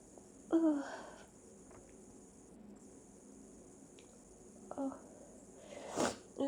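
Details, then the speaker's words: Person with repeated big sneezes that don't relieve the tickle: quiet voiced build-ups, then a sharp explosive burst near the end; sneezing. "almost like these sneezes aren't helping because i still feel like i have to see oh my god well i still have to sneeze"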